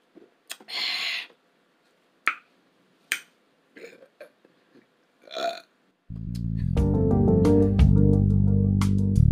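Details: Breakfast mukbang by two people eating pancakes, eggs, muscadines and strawberries, no talking: a few short burps and eating sounds, then loud background music partway through; burping.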